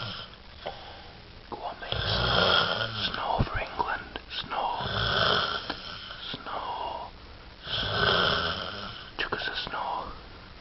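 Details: Heavy snoring: loud, harsh rattling breaths repeating roughly every three seconds, with snorting noises between them.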